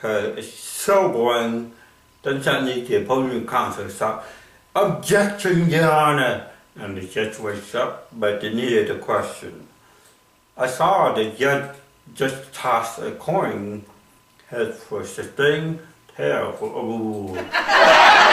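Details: Adult with cerebral palsy performing comedy in English: dysarthric speech in cerebral palsy.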